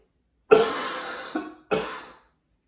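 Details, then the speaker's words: Deliberate voluntary cough, the final step of the Active Cycle Breathing Technique for chest physiotherapy airway clearance: a big breath in, then two strong coughs to raise intra-abdominal pressure and drive mucus out of the lungs. "the cough is is meant to increase the intra-abdominal pressure to help drive the mucus out of your lungs and out into a paper towel or a kleenex so that it's out of your system"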